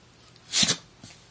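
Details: A single sharp, hissing sneeze from a dog, followed by a faint snort, in a quiet room; she kept sneezing.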